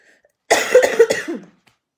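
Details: Cough.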